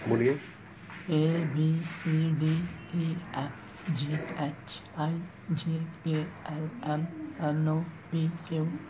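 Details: Hypernasal speech in an adult man with unrepaired cleft palate, recorded before repair surgery done at age 21.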